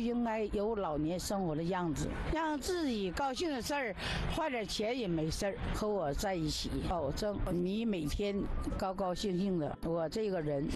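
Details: Adult man speaking; normal voice.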